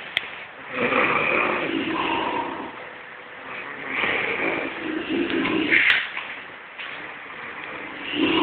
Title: snoring (koorkkam vali)